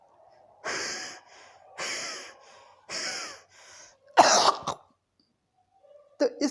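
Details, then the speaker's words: Imitated cough demonstrated by a homoeopathic doctor: three wheezy, labored breaths with difficulty breathing out, then a loose, wet cough bringing up mucus that gives relief: wheezing followed by productive cough. "इस तरीके से खांसी पहले व्हीजिंग साउंड आएगी और उसके साथ खांसी के साथ में म्यूकस बाहर निकलेगा, बलगम बाहर निकलेगा, जो कि उसको आराम देगा।"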